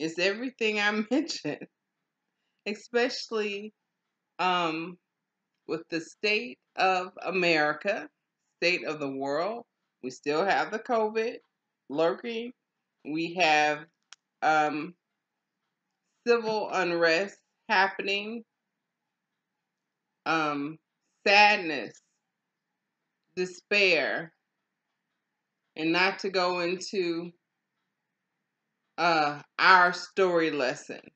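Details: Adult woman, stroke survivor in aphasia recovery, with slow speech and long pauses; aphasia after stroke.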